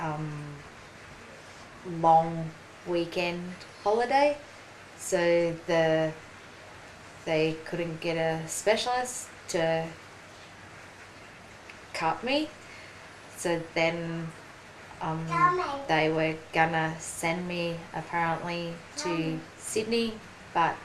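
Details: Aphasia in a 43-year-old woman after a ruptured brain aneurysm and stroke 4.5 years earlier; slower speech and word-finding difficulty; aphasia.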